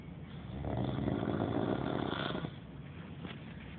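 A single long, low rattling inward snore, fading into quieter breathing; snoring during sleep.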